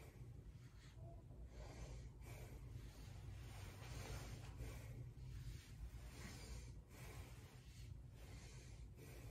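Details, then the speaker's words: Student nurse auscultating a healthy patient's posterior chest with a stethoscope as the patient takes deep breaths; everything sounds good: normal breath sounds. "okay dear everything sounds good I'm just gonna make a report of all this and I will come back to check on you soon okay thank you"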